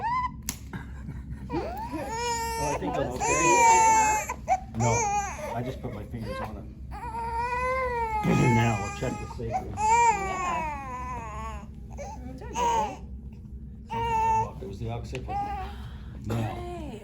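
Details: An 8-week-old baby girl during her first chiropractic atlas adjustment for a weak sucking reflex, with a slightly tight frenulum noted, cries in repeated wailing bursts with short pauses and adult voices nearby.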